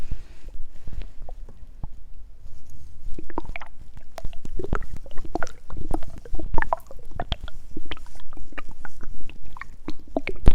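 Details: Hunger stomach growling (borborygmi) recorded for ASMR: low gurgles, bubbling and irregular squelching pops from the belly.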